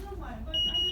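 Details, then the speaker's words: Infant nasal bubble CPAP in a special care nursery: steady high electronic tone over low voices as the manometer detects low pressure after a circuit leak stopped the bubbling; CPAP low-pressure alarm. "and the alarm goes off because the manometer detects that there's a low pressure."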